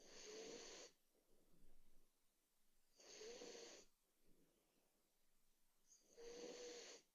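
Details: A sleeping dog snores in three regular bursts, about 20 a minute, each with a faint whistling tone, with quiet breathing between; ordinary snoring.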